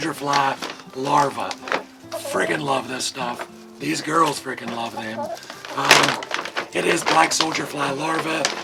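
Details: Adult male with vocal cord paralysis from surgery that damaged throat nerves and paralyzed the muscles acting on his vocal cords, making talking hard; he hopes it is temporary; vocal cord paralysis.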